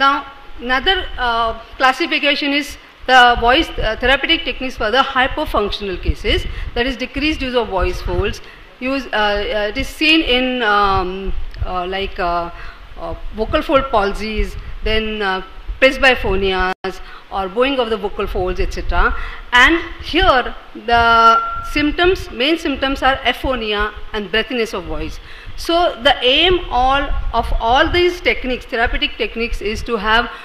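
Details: Adult female speaker, lecture; normal speech.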